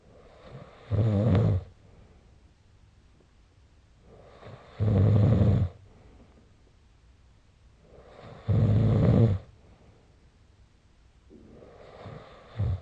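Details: Recorded with a snoring app during sleep: loud, regular, rattling snores on each breath in, about 16 a minute, with quiet breathing between.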